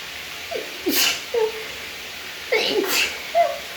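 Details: Female allergy sneezing before a shower: two sneeze bursts, each a short voiced intake followed by a sharp hissing expulsion, over steady running-water noise.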